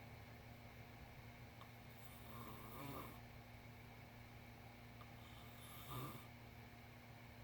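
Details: A sleeping cat snoring: two soft, rough snoring breaths at roughly 19 a minute over a steady low background hum.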